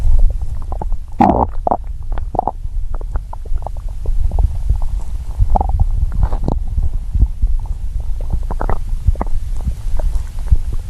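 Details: Hungry person's stomach growling, recorded as ASMR: long low gurgling and rumbling borborygmi, ordinary hunger growling.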